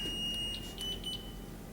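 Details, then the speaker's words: Zoll R-Series defibrillator charging for a shock for ventricular fibrillation while chest compressions continue: steady high electronic tone followed by short repeated beeps. "I'm going to charge. I can continue good compressions till it tells me to shock."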